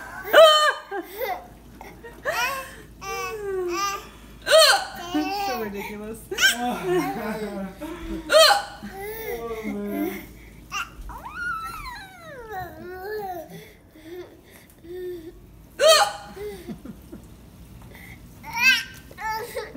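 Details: Baby laughs and babbles in reaction to mom's hiccups: sudden short catches of breath recurring every few seconds, about five in all; hiccups.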